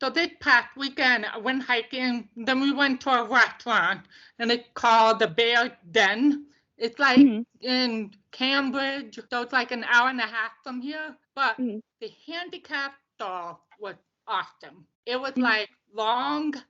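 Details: Deaf speech of a woman deaf since birth, diagnosed at 18 months, bilateral hearing aids until college, now cochlear implants; she reports poor volume control and speaking loudly.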